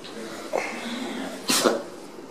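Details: A short, sharp sneeze after a brief indrawn breath, with soft background noise, from an animal in a funny sneezing-animals compilation; sneezing.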